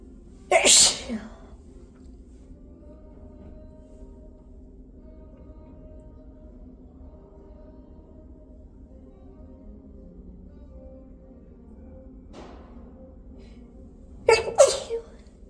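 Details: Induced sneezes with hitching breaths: two sharp sneezes, the second preceded by a brief catching breath, over steady low background noise.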